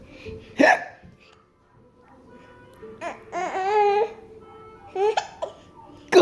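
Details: Baby with hiccups: abrupt, short hiccup sounds mixed with babbling and an adult's laughing, singsong encouraging voice; hiccups.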